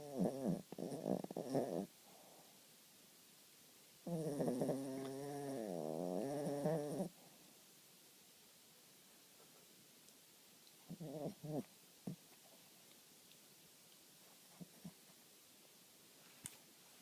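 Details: Small Snorkie dog snoring loudly: snorting, rattling breaths in bursts, one long drawn snore, then quiet with faint snuffles; snoring.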